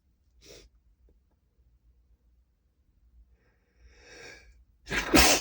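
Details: Soft breaths and a muffled, held-back build-up, then a sudden harsh sneeze at the end; a stifled sneeze too strong to suppress fully.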